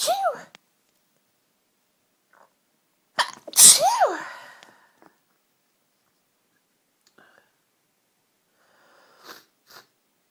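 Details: Two forceful sneezes from a strong, tickly sneezing fit with a cold, each with a rising in-breath before the burst, then quiet with faint breathing and small noises.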